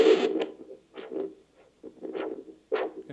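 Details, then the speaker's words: Handheld pencil-like Doppler probe over a leg artery during a peripheral vascular disease exam where the pulse cannot be felt: rhythmic whooshing pulses, a good normal arterial Doppler signal. "so that gives him an idea that even though he can't feel he can use the Doppler and there's a pretty good signal there we call a Doppler signal"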